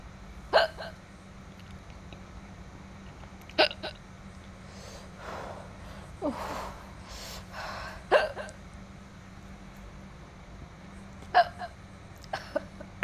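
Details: Girl eating food spicy enough that her lips burn from chili: five sharp, abrupt hiccups at irregular intervals over 13 seconds, with quiet eating between them; hiccups.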